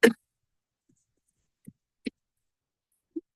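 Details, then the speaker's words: Cough sample: single short, sharp cough burst with no rattle, gurgle or mucus heard; completely dry cough. "Clearly it's a dry cough. It sounds like it's completely dry. There's no mucus in in the in uh anywhere to be to be heard."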